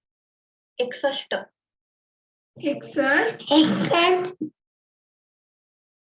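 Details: Child with cleft palate, sample one used in a teaching module; nasal rustle on s; posterior nasal fricative (nasal rustle).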